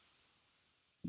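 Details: Arterial Doppler pulse during ABPI assessment: after brief silence, a single prolonged whooshing signal that swells in two steps, almost like two sounds; a monophasic arterial pulse.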